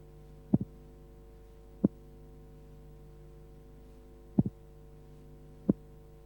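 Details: Simulated auscultation from a 1976 training film on transposition of the great arteries, played slowed down: a split first sound, then a single second sound, as only aortic closure is heard.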